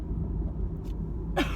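A single short cough burst over steady car road rumble, from an adult with bronchitis.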